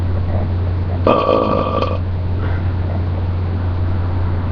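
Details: One long, low, throaty voiced burp lasting about a second over a steady engine hum; a belch.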